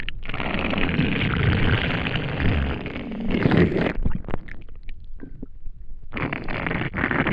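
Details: Long, loud low rumbling and gurgling from an empty stomach after not eating for a day, fading then returning; ordinary hunger-related bowel sounds.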